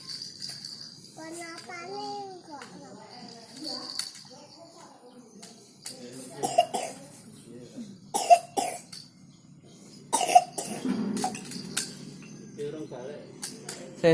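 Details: A young child talks and babbles, broken by several short coughs, during a cough and runny-nose cold.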